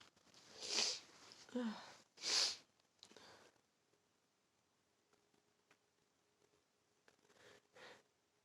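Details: Fall sneezing fit: several sneezes in quick succession with sniffs between, in a quiet room.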